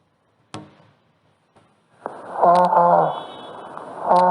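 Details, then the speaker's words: Bronchophony: after a few soft knocks, a loud, muffled, humming voice comes through the chest wall while the subject speaks, the words distorted and lost. "bronco fonía se escucha la voz distorsionada al escuchar el tórax mientras el sujeto habla y se escucha de la siguiente manera"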